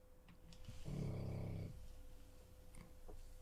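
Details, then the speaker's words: Sleeping dog on medication, possibly with knee and hip problems: a single low, rough, rumbling snore under a second over faint electrical hum and room noise; snoring. "Everyone stop talking. We have a dog to listen to snoring."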